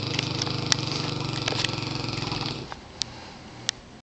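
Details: Sleeping Mastiff dog gives a long, low, fluttering snore, then quiet breathing with a few small clicks; snoring.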